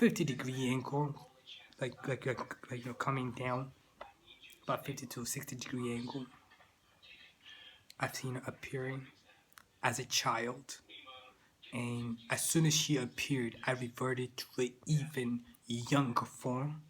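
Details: Adult man with persistent stuttering that continues into adulthood.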